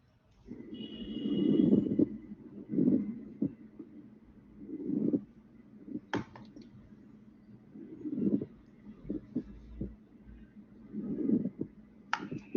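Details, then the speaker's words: Pleural syndrome teaching example: coarse, sharp, harsh grating rub with each breath, in and out; pleural friction rub, described as sharp and rough with exudative pleural effusion and stopping when breath is held. "es el trote pleura agudo áspero y rudo tanto inspiración como inspiración"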